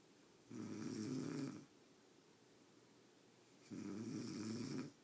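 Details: Two loud, rough, rattling snores about three seconds apart, with quiet pauses between them, during deep sleep; snoring.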